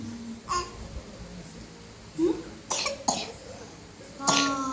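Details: Baby with a cough and cold coughing while giggling with older siblings: short coughs mixed with giggles and babbling, other children's voices nearby.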